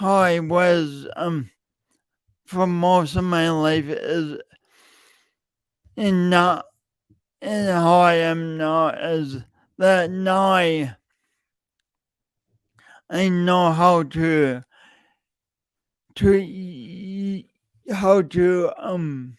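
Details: Adult man with a self-reported speech impediment, present for years and audible whenever he speaks; stuttering (speech disfluency) with repeated words.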